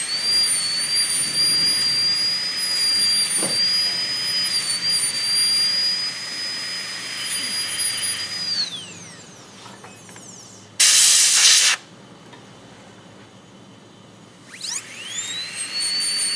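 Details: High-speed dental handpiece whining, winding down with a spray burst, then spinning back up while preparing the proximal boxes of an MOD ceramic onlay on tooth #18 on a typodont, a simulated demonstration.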